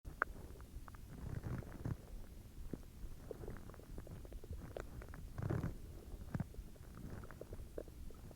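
Irregular low gurgles and rumbles with scattered short squelches: stomach growling, ordinary bowel sounds.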